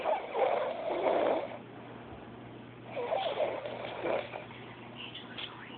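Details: Person deeply asleep, snoring: rough, gurgling snores recurring about every three seconds with quiet pauses between them.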